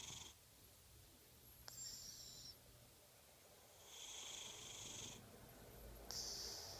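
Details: Snoring from a sleeping person; snoring.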